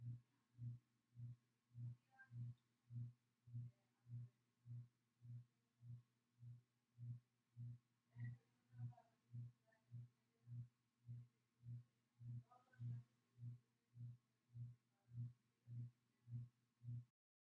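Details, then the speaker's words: Steady, regular heartbeat about 100 a minute, clear thumps, no extra sounds, through the diaphragm during a student nurse's cardiovascular assessment; judged normal. Normal heart sounds. "okay good so everything sounded normal"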